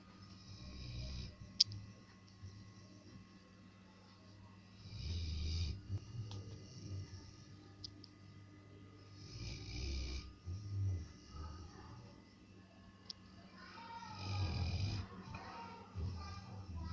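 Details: Snoring: rhythmic low snoring bursts with a breathy hiss, about 13 breaths a minute, over a steady room hum.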